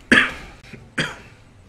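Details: Person coughing during a live gaming session: two sharp, dry coughs about a second apart against quiet room noise.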